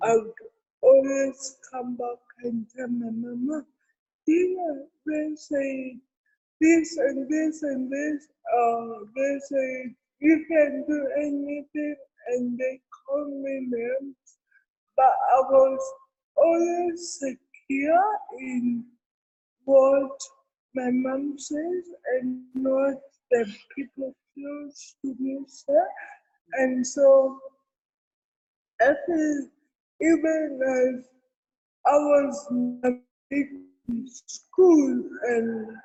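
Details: Real speech from an adult woman with cerebral palsy: dysarthria (cerebral palsy).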